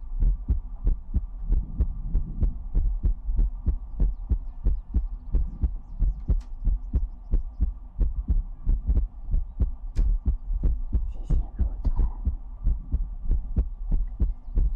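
Steady deep thumping heartbeat, about 90 beats a minute, with a faint hum behind it.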